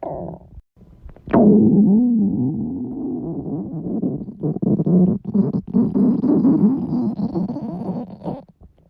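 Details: Loud stomach growling (borborygmi) from girls described as extremely hungry, their stomachs at the limit.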